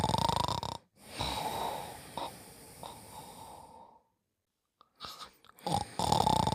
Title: Sleeping and Snoring in 51 seconds